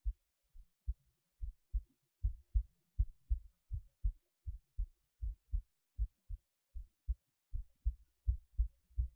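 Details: Heartbeat through a cheap acoustic stethoscope: clear low lub-dub sounds, steady at about 80 a minute, quiet background; normal heart sounds.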